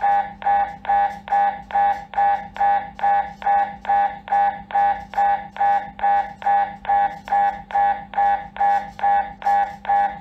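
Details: Loud, steady repeating tonal pulses about 140 a minute over a low hum, the typical knocking-buzz of an MRI scan; MRI scanner noise.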